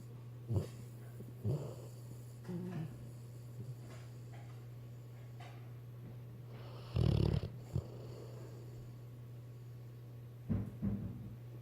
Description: Weimaraner's snore worse than grown men